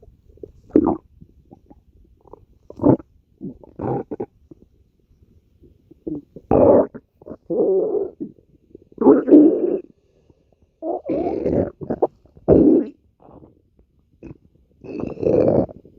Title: Gf’s stomach growling